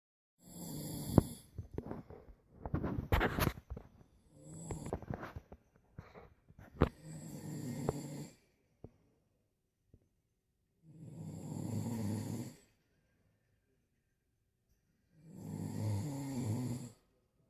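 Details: Loud, rough snoring on inhaled breaths, roughly every four seconds, after a stretch of irregular snorts and rustling: snoring.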